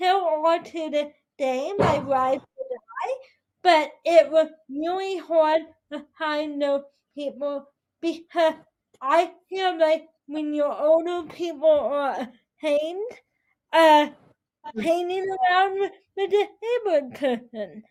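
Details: 22-year-old woman with spastic quadriplegic cerebral palsy affecting her whole body including speech, right side impaired, uses a walker or wheelchair; dysarthria (cerebral palsy).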